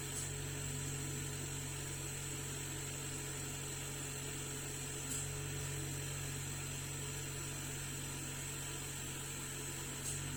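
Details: Compressor noise from a faulty oxygen concentrator under repair that was not producing oxygen, heard while it was being checked for leaks.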